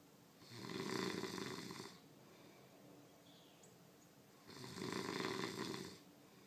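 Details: Roommate snoring heavily: two loud, rough, rattling snores, each about a second and a half long, with quiet breathing between them.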